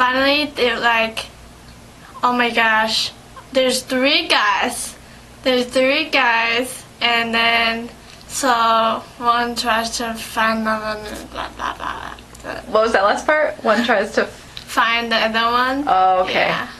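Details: Adult woman, speech therapy session; aphasia.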